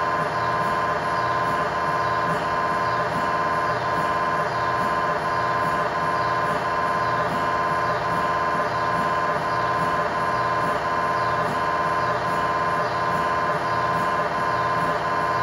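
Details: Loud, steady, rapidly repeating buzzing and knocking of an MRI scanner running a sequence, recorded inside the scan room of a GE Healthcare 1.5T or 3T MRI system; normal scanner noise.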